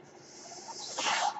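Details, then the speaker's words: The podcaster's own mechanical ventilator: a low, soft hiss swells into a brief rushing whoosh of air as it delivers a breath. "My name is . That noise you hear is my ventilator."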